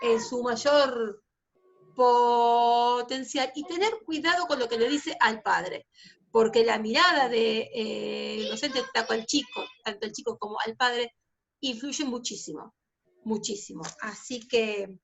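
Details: Spanish-speaking female teacher who stutters, presenting at a stuttering association workshop; she was not allowed to be a teacher when starting her career at 19 and has taught for 16 years since; stuttering.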